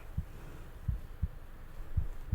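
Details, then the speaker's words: Simulated ASMR roleplay physical exam, stethoscope over the chest of a patient without palpitations or chest pain: soft regular low thumps about 100 per minute, no added sounds; normal heart sounds. "I'm going to go ahead and listen to your heart now. So you just relax and stay the same."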